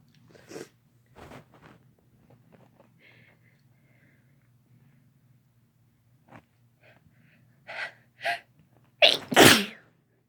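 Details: Soft breathy sneeze bursts building to a loud explosive sneeze at the end; ordinary sneezing.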